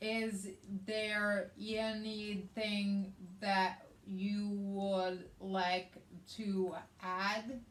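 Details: Aphasia in an adult woman after a hemorrhagic stroke on May 19, 2020, treated with brain surgery and an ICU stay; she also has right-sided hemiparesis, and the aphasia affects reading and writing.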